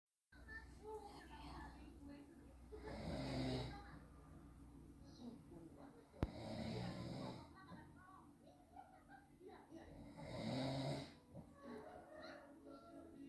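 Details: Father snoring in sleep, filmed by wife or daughter because he did not believe he snores: rough, rumbling snores on each breath, about 16 a minute, with household sounds behind.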